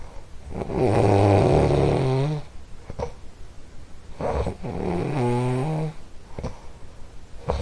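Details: A household snorer during sleep: two long, rattling, voiced snores about four seconds apart, with quiet breathing between them.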